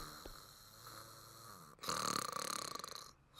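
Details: Acted snoring in a TV drama (NCIS): after quiet room hum, a loud, rough, fluttering snore lasts about a second.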